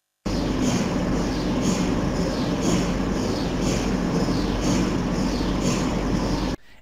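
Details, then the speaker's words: Inside an MRI room: steady mechanical hum with rhythmic whooshing pulses about once a second from the helium cooling compressor that always runs; MRI helium compressor noise. "ruido es el compresor de helio Ese es inherente a la sala de resonancia magnética y siempre va a estar funcionando la resonancia magnética necesita helio para su refrigeración"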